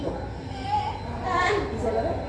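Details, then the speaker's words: Soft, short, low moaning grunts from a newborn over faint room noise, played in a neonatal resuscitation lesson alongside nasal flaring: neonatal expiratory grunting, a sign of respiratory distress. "Este se llama quejido neonatal. Escuchen, este es otro. Se está quejando el bebé. Es un signo de dificultad respiratoria."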